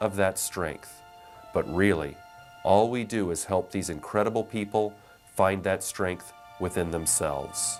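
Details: Adult man; normal speech.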